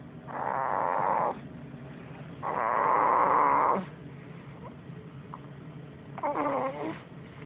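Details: Loud, long rasping snores of about 1 to 1.5 seconds each, three heard, with quiet breathing between, recorded to document his loud snoring during sleep; snoring.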